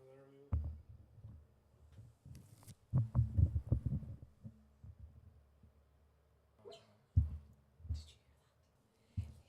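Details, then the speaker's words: Sleeping dog snoring while dreaming: soft, low, irregular snorts and rumbles. "I'm sorry. Can you hear Doogle snoring? D's dreaming."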